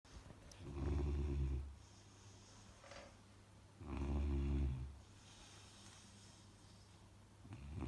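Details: 10-week-old Saint Bernard puppy snoring while asleep: two deep, rumbling snores on breathing in, with quieter breathing between them; ordinary puppy snoring.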